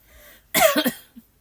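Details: Single short, harsh cough from an adult with allergies whose allergy medication isn't working, after noting a wheeze, followed by a faint throat sound; then goes to use an inhaler. Cough.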